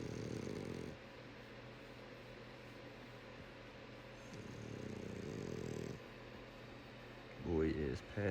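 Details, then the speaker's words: Sleeping French bulldog: low, rough, droning snores on breathing in, with quieter gaps between breaths; loud enough that a CPAP is joked about. Snoring. "passed out. Gone. Passed out. Snoring. Dang, man, you might need a CPAP or something. Good God. Sound like a dinosaur, dude."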